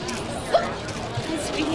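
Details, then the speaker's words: Persistent hiccups in a 16-year-old girl in 2007, hiccupping nonstop for about four weeks, with chest, abdominal, throat and back pain; hiccups described as her constant companion. "That sound has been her constant companion since the first weeks ago tomorrow and the sound is the least of it."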